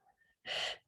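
A brief, soft breathy blow through shaped lips, then a second shorter burst; an imitated pleuritic breath sound.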